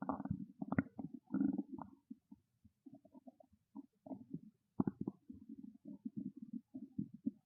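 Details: Loud, bubbling gurgles and squeaks in quick runs: hunger-related stomach growling, borborygmi.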